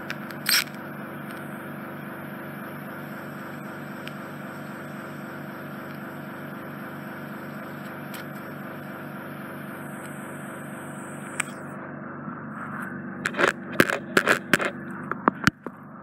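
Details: Endoscopic suction of a GP-referred man's infected, smelly right ear canal occluded by dead skin and debris, difficult access: steady suction hiss with layered hum, then sharp crackling bursts near the end, described as like paper crackling.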